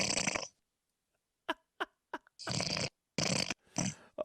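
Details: Loud, harsh, rattling snores with brief clicks and pauses from a sleeping man, filmed without his knowledge; heavy snoring.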